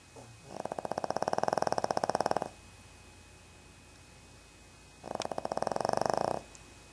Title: doggie snoring on brown couch